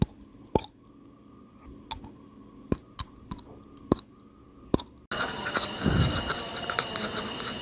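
Sharp irregular tooth clicks, then a harsh continuous scraping noise, fitting teeth grinding (bruxism).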